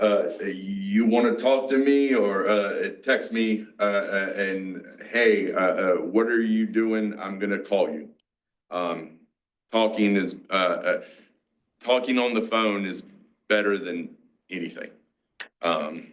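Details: Aphasia, a mix of Broca's and Wernicke's, in a 47-year-old male after a massive stroke 6 years ago, with seizures; he had to relearn to talk and still has word-finding blocks.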